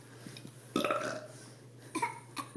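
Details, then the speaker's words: Deliberate burping by a boy and his uncle on request: one long drawn-out belch followed by two shorter ones, over a steady low room hum. "Oh, this is burping with Cameron."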